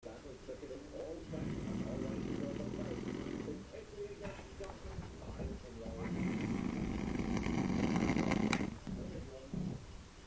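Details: Long, loud, rough snores from a man, each lasting several seconds, with rattling on the breath; heavy snoring.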